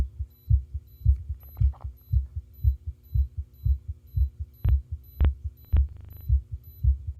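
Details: Normal heart sounds recorded alongside an ECG: steady, regular low heartbeat thumps with faint electronic monitor beeps and a low hum.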